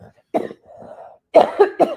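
An adult gives a single cough, then a short run of about three quick, forceful coughs in a quiet room.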